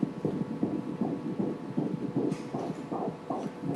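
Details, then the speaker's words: Rapid rhythmic whooshing fetal heartbeat at roughly 150–160 a minute on obstetric ultrasound at 14–15 weeks' pregnancy, in a woman with hyperemesis gravidarum; scan checks fetal growth and amniotic fluid. "L'ecografia in questo caso è giusto per valutare la crescita del bambino e naturalmente, avendo difficoltà nell'idratarsi, anche il liquido amniotico. Eccolo qui, sentiamo subito il battito."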